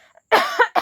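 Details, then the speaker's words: Real cough from a woman with a cold, who coughed a lot the previous night; a loud single cough followed by a second brief burst. "तो guys चलिए real coughing कल रात को मैंने बहुत ज्यादा मतलब मुझे खासी आया था"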